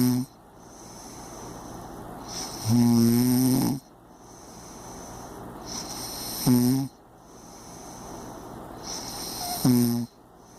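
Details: Impressive heavy snoring: loud, vibrating snores on each breath in, about three in ten seconds, with a steady high room hum.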